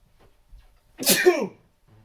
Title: Chhinkni 23 - Trying to Stifle the Sneezes....